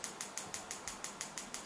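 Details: Focused shockwave therapy, fourth session, for a rock climber's ulnar collateral ligament injury of the index finger DIP joint from four months ago: rapid, evenly spaced clicking pulses, about six per second, intensity adjusted to patient feedback.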